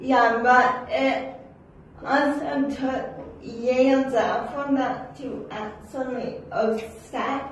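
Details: Adult woman with cerebral palsy who says not everyone in public can understand her speech; dysarthria.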